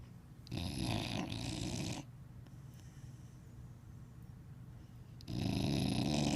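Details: Sleeping dog, worn out after a weekend, snoring: two long, loud, rattling breaths separated by a quiet pause.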